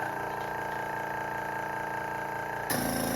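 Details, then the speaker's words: Training demonstration of a portable aspirator (suction machine) being tested. A steady mechanical hum with fast regular pulsing shifts in pitch as a finger covers the port, and the pressure gauge reaches an optimal 60, above the 40 threshold. "So it's going to be a little loud, but let's go ahead and do that. So we're going to turn it on. Our compressor is on."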